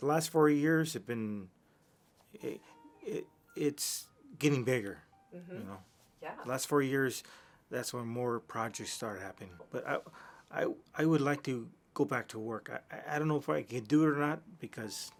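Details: Adult man with aphasia from a massive stroke about 3 years earlier, before brain training; much language regained but fluency still impaired; aphasia.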